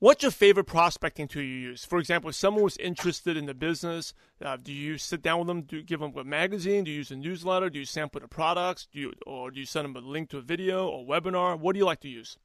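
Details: Adult speaker; typical voice.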